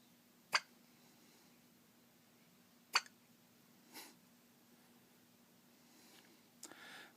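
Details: Three or four sharp, brief, squeaky hiccups spaced a few seconds apart in a quiet room, from someone who gets them after every meal.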